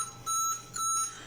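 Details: Ventilator alarm: two steady high-pitched electronic tones from a Siemens Servo 300 ventilator during calibration, sounding because no gas supply is connected.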